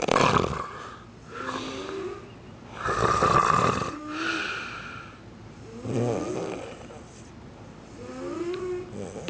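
Loud, rough, rattling snores on each breath, with faint whistling tones mixed in. Snoring during sleep.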